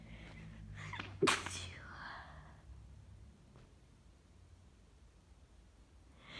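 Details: Sick with a bad cold: short breath intake then one sharp, partly muffled, stifled sneeze, in a quiet room; sneezing.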